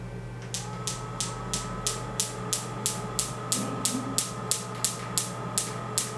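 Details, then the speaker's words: Focused (concentrated) extracorporeal shockwave therapy device firing sharp regular clicks about three per second over a steady machine hum; frequency (Hz) adjusted lower for slower pulses or higher for faster, demonstrated in a clinic for cellulite, edema and pain treatment. "헤르츠를 좀 낮추면 이렇게 천천히 나오기도 하고, 헤르츠를 좀 높여서 좀 더 빨리 나오게 할 수도 있죠."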